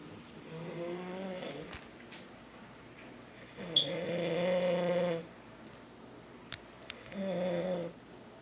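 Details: Father snoring in sleep: rhythmic, droning snores of uneven length, roughly 18 breaths a minute, each with a buzzing, slightly whistling tone; snoring.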